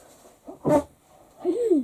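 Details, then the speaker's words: Adult deliberately coughing to clear a frog in the throat. "There's nothing worse than having a little bit of like a frog in your throat."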